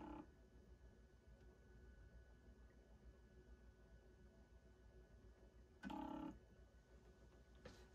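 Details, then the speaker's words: Plum 360 IV infusion pump during norepinephrine drip setup, rerunning its cassette test after a kinked-tubing occlusion was cleared: steady low mechanical hum with brief clicking and whirring bursts; cassette self-test, which passes. "so let's do that open the door shut it again and see if that is cleared now it's testing the cassette"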